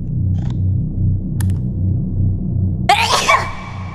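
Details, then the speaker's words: One loud, explosive sneeze during a live-streamed game, over steady background music and game sounds; speaker announced needing to sneeze just before. "Can they not open doors? I don't know, but I really got to sneeze."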